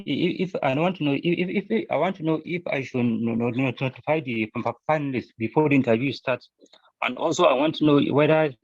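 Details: Adult male scholarship applicant who says he used to stammer, with repeated phrases; stuttering.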